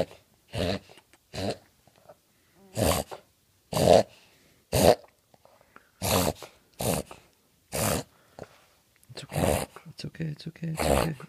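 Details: Charley Brown, a dog, making repeated harsh snorting inward breaths in quick bursts: reverse sneezing.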